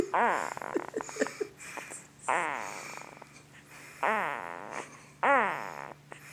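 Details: Two-week-old newborn boy hard asleep making squeaky, rising grunts and snuffly snoring noises; newborn sleep grunting and snoring.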